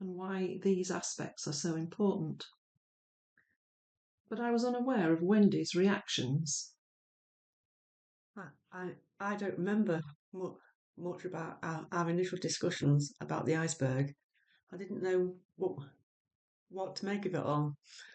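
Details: Adult woman who stammers and is a speech and language therapy client; stammering.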